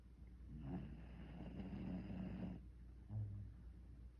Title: My fur baby snoring away